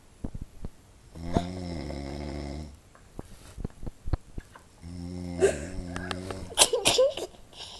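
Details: Snoring on a couch: two rough, buzzing snores, each about one and a half seconds long, separated by quiet breathing with scattered clicks and rustling.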